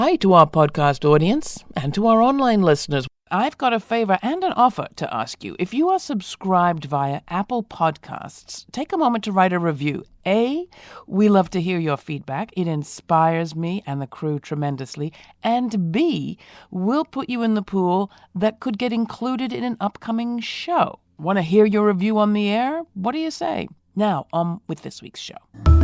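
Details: Adult speaker; normal speech.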